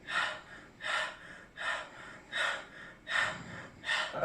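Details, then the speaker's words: Lung auscultation demonstration with stethoscope, lateral/axillary points (5th and 7th intercostal spaces, mid-axillary line); patient asked to breathe as if tired: quick, deep, airy open-mouth breaths, normal. "ahora ocultamos al paciente con estetoscopio ahora le pedimos al paciente que en cada poco respira como cansado"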